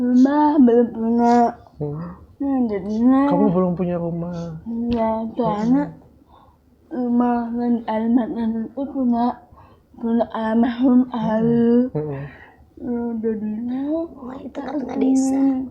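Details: Young woman with cerebral palsy; dysarthria (cerebral palsy).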